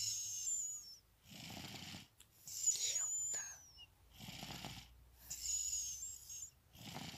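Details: Regular sleeping breaths at roughly 25 a minute, each pairing a soft whistly hiss with a low fluttering rumble: gentle snoring from an infant girl, the family's third daughter, during a daytime nap.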